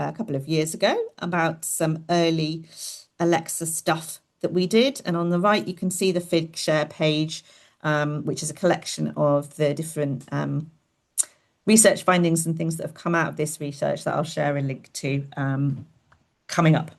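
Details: Adult woman speaking; Normal speech.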